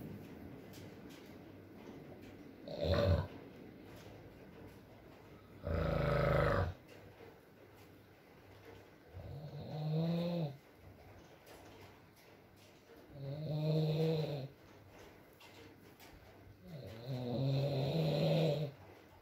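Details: Adult man (boyfriend) asleep, ASMR recording with rain: irregular snores of varying strength, some harsh and rattling, others softer and groaning, separated by quiet pauses; intermittent snoring.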